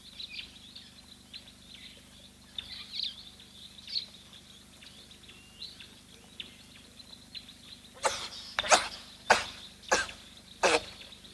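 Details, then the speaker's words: Wild olive baboon at a waterhole in Kenya: outdoor bird chirps, then a quick run of five sharp, explosive sneezes. "Bless you. It rather epitomizes why we enjoy watching baboons. There is something very human about their antics, and to hear them sneeze like that."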